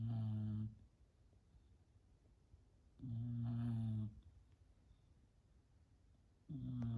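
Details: Sleeping female who did not wake even after a sneeze gives regular low, droning snores about every three seconds, roughly 18 a minute; snoring.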